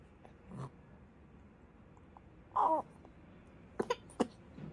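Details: 98-day-old baby girl mouthing her fist: a brief strained vocal burst, then a few short throaty catches amid quiet room sound, gagging while sucking on her fist.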